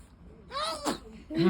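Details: A baby's powerful sneeze: a quick rising intake followed by one abrupt, explosive burst, with a voice starting right after.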